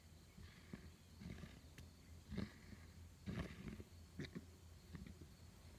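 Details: Wild mule deer in Wyoming in autumn that seemed very sick, coughing outdoors: about six short, harsh, rough coughs over a low outdoor rumble.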